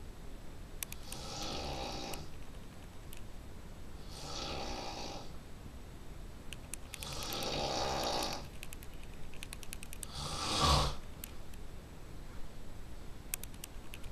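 Four rough, hissing snores in fourteen seconds, about 17 breaths a minute, over steady room noise; snoring.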